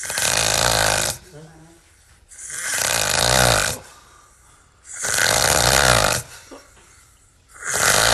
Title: homem tem o maior ronco do mundo 😆 man has the biggest snoring in the world